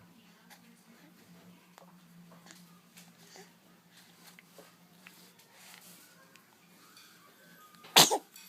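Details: Sneezing: quiet room, then a single sharp sneeze burst near the end, followed by the owner's soft voice saying bless you.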